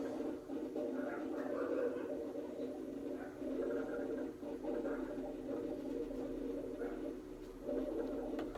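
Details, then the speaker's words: Rhonchi: low-pitched, snoring, continuous musical sounds through the breaths, like low-pitched wheezes, related to obstruction of larger airways and heard in inspiration and expiration. "as you can hear that rhonchi are basically just allow pitched wheezes"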